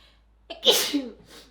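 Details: Someone reading aloud in Japanese breaks off with a quick inward catch of breath, then one sharp, hissing, voiced burst of air that fades into a short exhale: a single sneeze.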